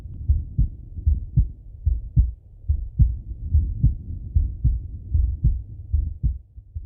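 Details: Male chest auscultation with stethoscope: regular low thumping heartbeat at about 75 beats a minute with soft breath noise; normal heart sounds.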